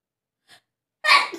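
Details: A faint inward catch of breath followed by one sharp, hissing sneeze burst during a self-induced sneezing challenge. A single sneeze.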